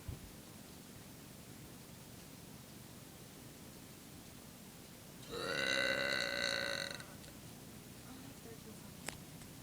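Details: A single drawn-out, tonal burp lasting under two seconds over steady room hiss; burping.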